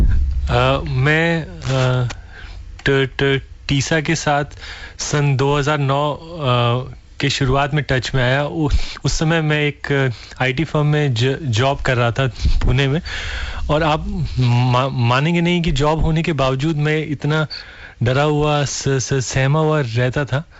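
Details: Stuttering in an adult man who stammers, speaking Hindi as a radio caller.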